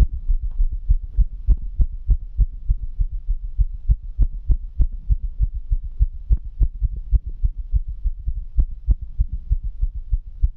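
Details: Fast, regular low heartbeat thumps over a faint hum, recorded in mono on only one side; a rapid heartbeat (tachycardia).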